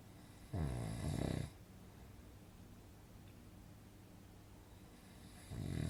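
A rough, rattling snore of about a second, then quiet breathing before the next snore begins, from a sound-effect recording.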